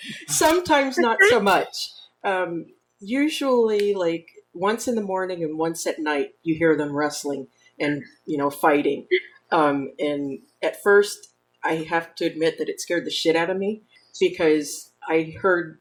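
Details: Adult woman speaking; Normal speech.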